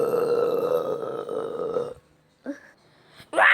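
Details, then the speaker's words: A long, low, drawn-out belch of about two seconds, followed by brief vocal sounds; a burp. "oh geez stop burping it's cold in here"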